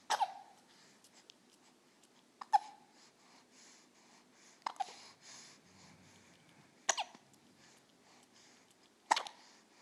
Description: Baby at 6 weeks old has the hiccups.